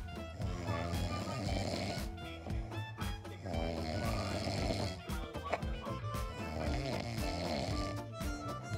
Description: When your cuddling and out of the blue you heard this loud sound 👀👀 Dude snoring really 🤣🤣